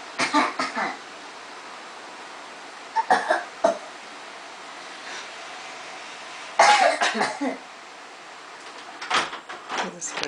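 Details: Toddler aged 1 year 2 months imitating an older sister's coughing: clusters of short, light, playful coughs, a mimicked cough rather than illness.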